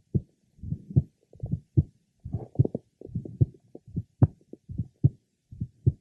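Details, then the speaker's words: Man with a congenital bicuspid aortic valve, diaphragm at the third left sternal border, sitting upright leaning forward, breath held in deep expiration: aortic ejection sound and very faint grade 1 to 2 early blowing aortic diastolic murmur. "however he has a very faint grade 1 to2 early blowing aoic diastolic merma did you detect that"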